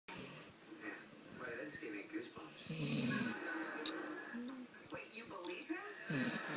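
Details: Yellow Labrador retriever, female, sleeping after a busy day running after horses, giving low, rough snorts with faint television or voices in background; ordinary snoring.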